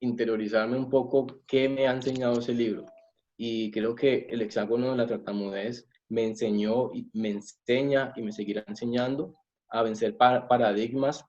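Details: Adult man who says he is a person who stutters, giving a Spanish-language presentation; stuttering.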